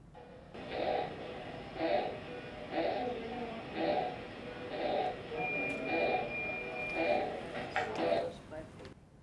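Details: Baby in the nursery breathing fast, about 60 breaths a minute, each breath carrying a harsh, high-pitched crowing noise mainly on inhaling; inspiratory stridor.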